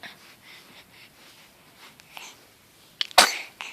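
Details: 1-month-old infant girl: a single sharp, explosive sneeze after a few seconds of soft breathing and rustling; sneezing.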